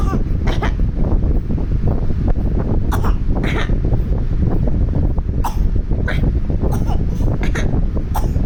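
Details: A child's deliberate practice cough: repeated short, forced coughs made on purpose rather than from illness.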